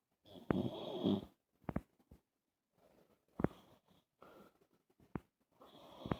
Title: Snoring man suffering from Sleep Apnea